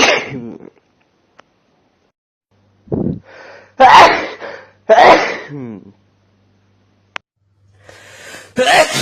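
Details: Several loud, forceful male sneezes, each with a sharp inward breath before the explosive burst.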